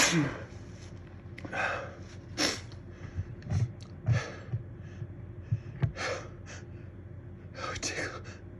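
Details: Itchy, slow-building sneezes: several sharp, breathy sneeze bursts with gasping breaths between them over a low room hum.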